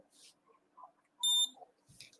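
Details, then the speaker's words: A single short, high-pitched beep from a blood glucose meter as the test strip is inserted, then the blood-drop symbol flashes to show it is ready to test; faint room noise. "then you will hear a b sound and you can see the blood sample is flashing"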